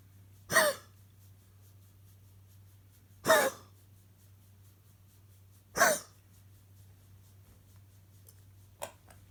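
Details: Dog coughing, possibly a mild coughing fit: three short, sharp coughs about two to three seconds apart, with a fainter fourth sound.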